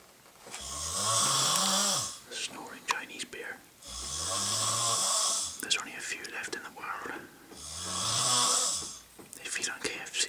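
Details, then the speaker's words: Man snoring every night, nicknamed a "Chinese bear": loud, rattling inhaled snores with a deep vibrating tone and breathy exhale, about 16 a minute; snoring. "I cannot believe what we've just seen we've just seen a Chinese bear snoring as it were be David Adom himself would not believe this"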